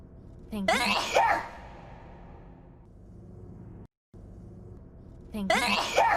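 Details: Sneeze from a VTuber during a stream: high-pitched, voiced sneeze preceded by a quick intake, audio unedited from source but replayed repeatedly in a meme edit.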